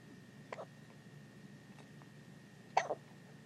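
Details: Baby on his birthday, held by his aunt: two sharp, brief catches of breath with a quiet gap between them, against faint room hum; hiccups.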